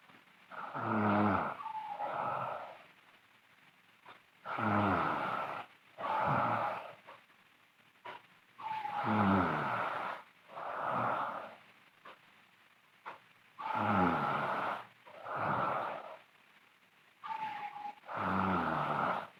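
Loud, rattling snores on each breath in and out, about 14 breaths a minute, with quiet pauses between them.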